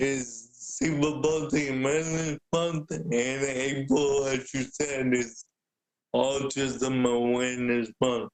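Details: Adult man with cerebral palsy present since birth, a wheelchair user who describes mainly physical limitations; speaking is noted as hard for him. Dysarthria (cerebral palsy).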